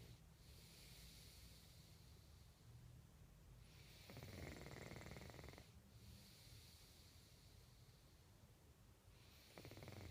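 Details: A sleeping person gives two rough, low, rattling breaths over steady background noise, fitting snoring; recorded in 2014.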